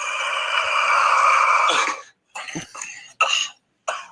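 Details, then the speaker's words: Cough from an MMA fighter, a recording he sent to Meltzer; afterwards he says it hurts and that it came about nine days, the week, before a fight. "But anyways, here's the the cough that he gave to Meltzer in San Jose."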